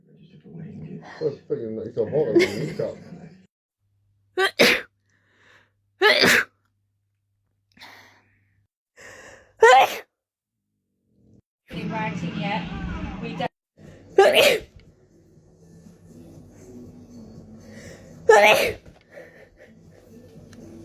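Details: Compilation of rapid sneezes: a string of about five sharp, explosive sneezes separated by short pauses, with brief talk and noise between; sneezing.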